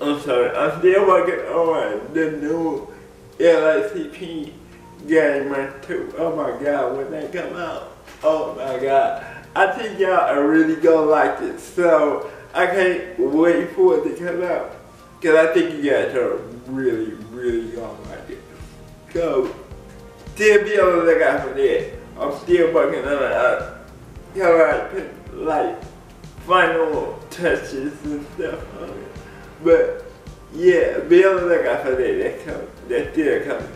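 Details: Adult man with cerebral palsy speaking in a video blog; dysarthric speech (cerebral palsy).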